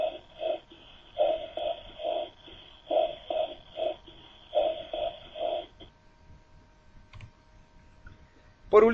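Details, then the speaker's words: Whispered pectoriloquy: patient whispering "33", the word heard clearly through the chest wall about four times. "ahora escuchemos a un paciente con pectoriloquia fona pronunciando la misma palabra"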